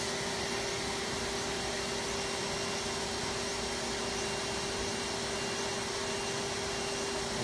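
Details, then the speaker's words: Aerolase laser passing again over treated facial skin for skin tightening during rosacea redness treatment: steady whirring hum with a constant low tone of the laser device running. "again going over the gel area a little bit more to get some skin tightening"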